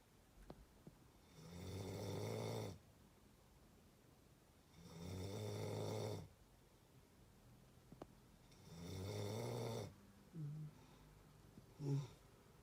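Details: Deep rumbling snores about every three and a half seconds, roughly 17 breaths a minute, with quiet gaps, part of a one-minute clip of snoring going from soft to rough: snoring.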